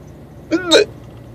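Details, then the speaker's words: Hiccups in a man sitting in his truck after work, recorded on a cell phone about 10 minutes into the episode; louder with mouth open, sometimes jolting his head back, painless: a single sudden voiced gulp with sharp onset. "When I leave my mouth open, they sound really, really loud, and when they're closed, when my mouth is closed, they don't sound that loud at all."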